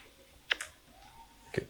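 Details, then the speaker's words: A normal knee joint sound recorded with a phone held near the knee while bending and straightening: a few sharp, brief clicks from pressure change, physiological crepitus rather than a bad sign. "펼 때 딱딱 리는데 뚝뚝 그러죠이 소리 는 제 무릎 소리입니다 안 좋은 거 아니에요 이건 정상 괜찮은이 정도는 괜찮아요"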